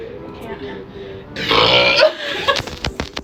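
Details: Burping during a Sprite-drinking challenge: soft voice and music, then a loud, long, rough belch about a second long, followed by short clicks; the person complains it hurts.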